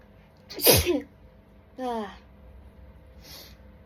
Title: Hitchy tickly sneezing fit caused by dust!